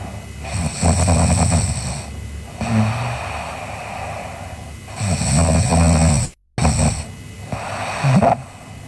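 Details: A sleeping girl snoring: loud, rattling snores on each in-breath with breathy out-breaths between, roughly every four seconds; ordinary snoring.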